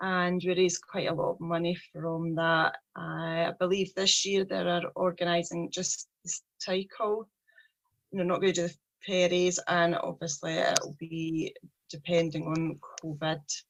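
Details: 43-year-old woman who stammers, with a speech problem since age three; stuttering.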